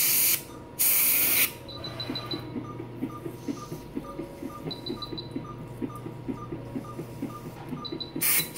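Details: Cat dental clinic, sealant treatment of a canine tooth's vertical groove during feline dental cleaning: bursts of hissing air spray, then a steady buzzing instrument with light ticking; dental air/water syringe and scaler noise.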